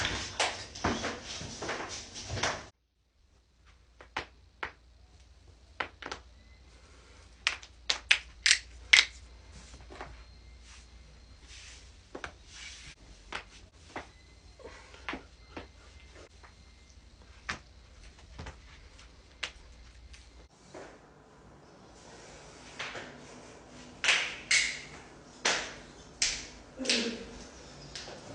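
Sharp, irregular popping clicks from joints being cracked, the usual harmless gas-release pops.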